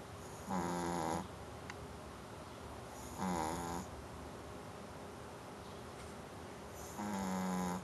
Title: Brewster snoring